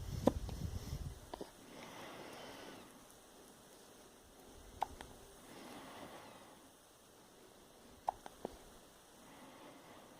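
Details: Three brief, sharp hiccup sounds about three to four seconds apart, with soft room noise between them; hiccups.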